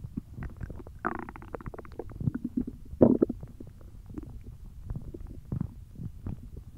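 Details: Hungry belly noises: continuous gurgling, rumbling and squeaky bubbling bowel sounds from an empty stomach; ordinary hunger growling (borborygmi).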